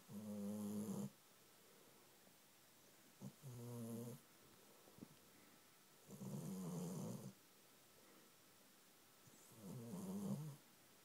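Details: Soft, buzzing snores on each breath, about four in eleven seconds, with quiet pauses between, from a furry pet asleep on someone's knee; ordinary snoring.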